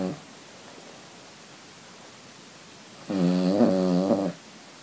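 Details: A sleeping Cavalier King Charles spaniel snores. After a quiet pause there is one loud, buzzing, musical snore, with the tail of an earlier snore at the start; the snoring is habitually frequent and very loud.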